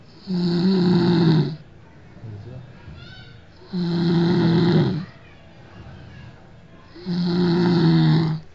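Three loud, buzzing, droning snores about every 3.5 seconds, roughly 18 breaths a minute, with softer breath sounds between: heavy snoring in sleep.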